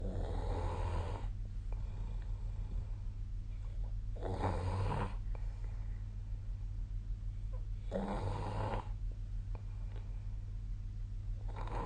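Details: Sleep recording made with the SnoreLab app on 2025/01/26: three rough, fluttering snores about every 3.5 seconds, roughly 17 breaths a minute, over a steady low hum. Snoring.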